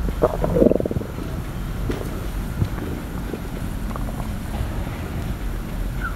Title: Stomach Sound ASMR, slosh & crackle | Stomach Growling